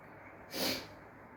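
A single sharp, hissing sneeze burst lasting under half a second, with quiet room noise before and after.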